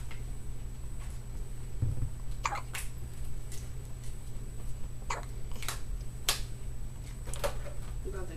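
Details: Newborn boy, 5 hours old, with his first hiccups: several short, sharp hiccups, each a brief abrupt catch of breath, over a low room hum.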